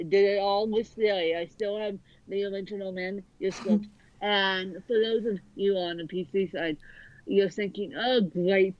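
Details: Dysarthria in a woman author born with cerebral palsy affecting both sides of her body; her speech is largely unintelligible to automatic transcription.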